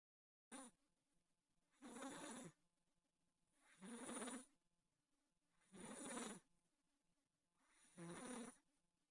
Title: Kevin the IT Cat Snoring